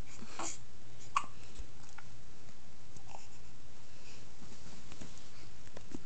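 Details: A couple of brief, abrupt hiccups over a steady low room hum, recorded on an Android phone.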